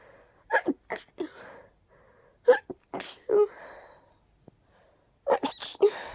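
Several sneezes in quick bursts, each with a sharp indrawn breath before it; repeated allergic sneezing.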